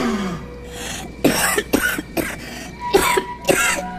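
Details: An adult acts out a fit of five short, harsh coughs over faint room noise in a mock cough-medicine advert (Fluimucil); simulated cough.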